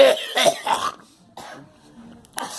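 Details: Girl coughing: a quick run of three harsh coughs followed by quiet; a plain cough.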